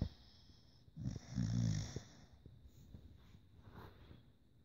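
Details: Staffy dog in a deep sleep snoring: one loud, low, rattling snore, then quieter breathing.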